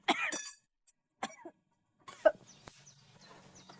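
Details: Acted coughs and throat-clearing by a woman in an Indonesian comedy series scene, startled when invited to a wedding, followed by quiet room noise; simulated cough.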